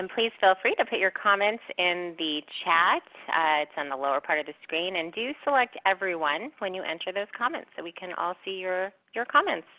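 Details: Adult speaker; normal voice.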